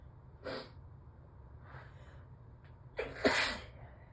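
Two sneezes, the second louder with a sharp explosive burst and a wet, muffled quality as if into a tissue; allergy sneezing.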